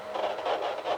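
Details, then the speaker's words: Fetal heartbeat on Doppler ultrasound at 29 weeks of pregnancy during a prenatal scan: rapid, rhythmic whooshing pulses of cardiac movement. "You see the wave? Yeah. Each one of those? Yeah. That's cardiac movement."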